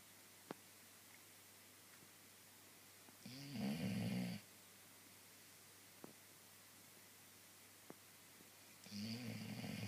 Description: My dog snores...